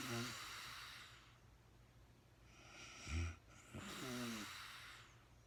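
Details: Real-time recording of a woman sleeping: rough, low rattling snores with quieter breathing between them.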